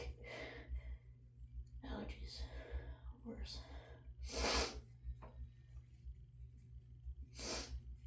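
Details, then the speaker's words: Run of sharp sneezes with sniffs and gasps over a low hum, from an adult with a suspected head cold and dog allergy, on hormones, sneezing after snorting chhinkni (sneezing powder); repeated sneezing. "Sometimes I wish I sneezed like she does, but I feel like that would drive me just as crazy as not being"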